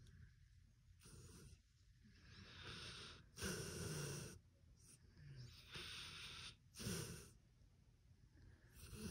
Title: ASMR PITBULL SNORING | #ASMRpitbullSNORING | SleepingDominoPitBullASMR | "Thats It Thats All"-cc